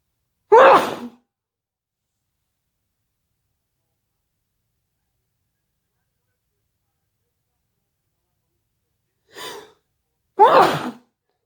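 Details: Induced sneezing, wet and intense: two loud, explosive sneezes about ten seconds apart, the second preceded by a brief inhaling gasp.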